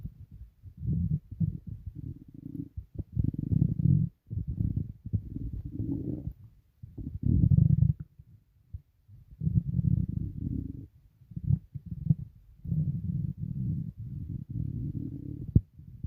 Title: Stomach rumbling (headphones advisable)